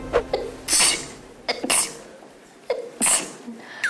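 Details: Several sharp, hissing sneezes in quick succession, each a sudden explosive burst of air.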